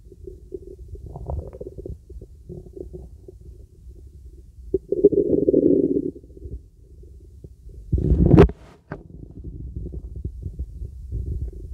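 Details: Stomach auscultated with a real stethoscope during a relaxing full-body auscultation on a girl: soft irregular gurgles and low rumbles, normal bowel sounds.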